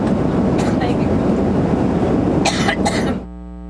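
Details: A woman's coughing fit, from a TV news timeline of her coughing spells: a few short, forceful adult coughs while speaking ("excuse me"), partly masked by loud background noise.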